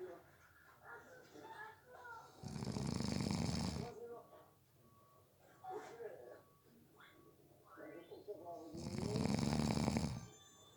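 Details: A person napping gives loud rattling snores on the in-breath, two clear snore cycles about six seconds apart, with quieter breathing between: snoring during sleep.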